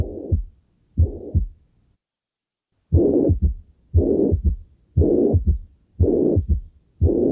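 Regular heartbeat near 60 a minute, with a long blowing murmur filling each systole and an extra low sound after the second beat: chronic mitral regurgitation with S3.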